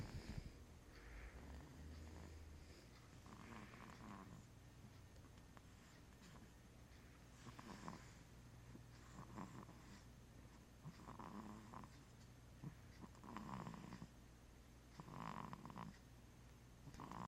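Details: Four-month-old snoring: soft, rhythmic snuffling snores about 30 a minute, faint and close to a purr, with low room hum; light snoring during sleep.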